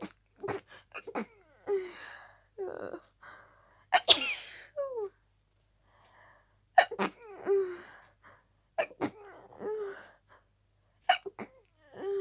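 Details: Paroxysmal sneezing fit with a cold: rapid run of about eight to ten harsh, forceful sneezes with quick gasping breaths between, barely time to breathe; intense, tiring fit, sneezes usually intensify with a cold.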